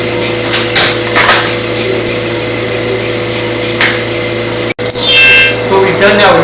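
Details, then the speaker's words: Motorized burr in right-knee arthroscopy: steady hum, hissing bursts and rising whine as it scrapes an inner-knee area of bare bone with no cartilage left, about two centimeters, to make it bleed and bring new cartilage; constant irrigation. "i'm going to take a burr i am going to have to scrape this because you can see there's no cartridge left you want to bring sort of a protective cap here if you will so we're going to scrape it help bring some new carpets into it"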